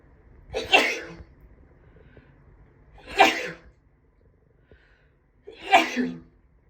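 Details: Female with allergy sneezing: three forceful sneezes, each preceded by a brief inward breath, spaced a few seconds apart in a quiet room.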